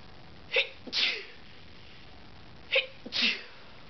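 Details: Sneezing in the middle of the night on waking with allergies: two sneezes in a quiet room, each a quick sharp intake then a hissing explosive burst.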